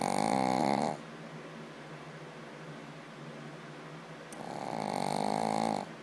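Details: Snoring described as louder than any human's: two loud, rattling snores on breathing in, separated by a quiet, noisy breath out.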